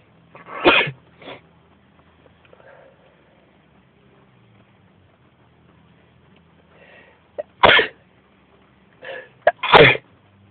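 Several sharp, explosive sneezes in two clusters, each with a brief breath drawn in before it. A bout of repeated sneezing.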